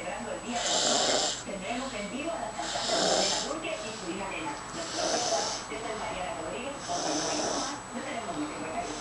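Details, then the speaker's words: Rough, rattling snores with each breath, about 28 a minute, from a baby girl who has snored since birth, like her parents; ongoing infant snoring. "Que los bebés no roncan. Pues esta bebé ronca desde que nació. Igual que papi y mami, no, mi amorcito."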